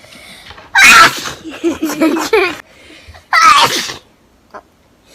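Two forceful sneezes with a brief voiced sound between them, then a soft sound afterward.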